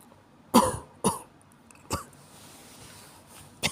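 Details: Adult with a common cold: four short, loose coughs, typical of an irritated upper airway.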